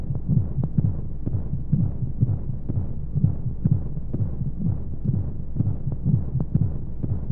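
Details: Womb-sound sleep aid for babies with white noise: soft regular low heartbeat thumps at about 125 a minute over a steady whooshing hum of flowing sounds, as heard from inside the womb.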